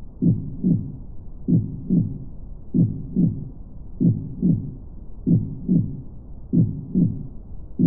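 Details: Normal heartbeat played as relaxation ambient sound: steady, regular lub-dub at about 48 beats a minute, slow and even with no extra sounds.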